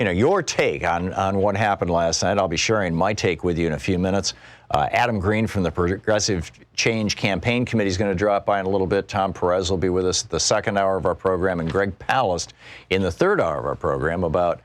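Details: Adult male speaker; normal speech.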